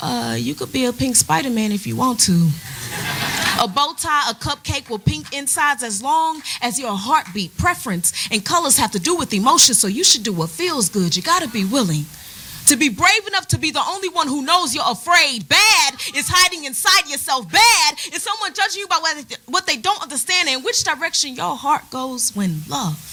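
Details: Adult woman speaking; normal speech.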